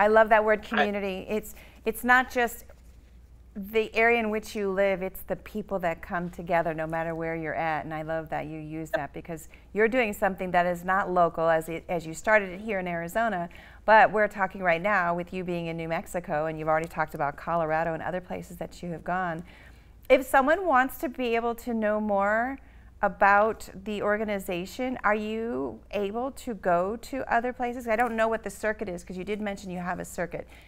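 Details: Adult woman, interview host; normal speech.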